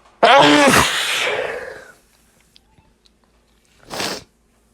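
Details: Stifled sneezes after dusting, held back late at night to stay quiet: a long, strained, partly held-back sneeze with a drawn-out breathy release, then a shorter muffled burst.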